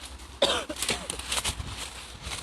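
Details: A firefighter coughing during a hillside forest fire: a few short coughs against loud outdoor noise.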